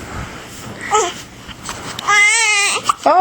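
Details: Infant girl who has the hiccups and is hungry: a brief fussy whimper, then a short, clear, wavering crying wail with a few gasping catches; infant crying.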